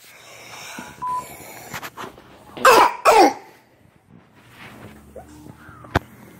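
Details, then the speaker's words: Two harsh brassy coughs in a quiet room: barking, metallic cough of croup in a child, indicating extrathoracic upper airway obstruction. "واضح يا جماعة صوت البريسي كاف very characteristic، على طول عرفت ان حالتي كروب بمجرد ان انا اسمع."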